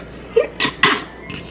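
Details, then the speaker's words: A single adult sneeze from a woman (stay-at-home mom) at home: a brief voiced intake, then a sharp explosive burst that fades quickly; she notes she is already sneezing. "See, I'm already sneezing. Hope you can hear that."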